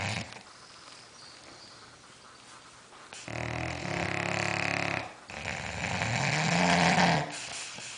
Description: Star and Petunia, sleeping bulldogs that snore . . . loudly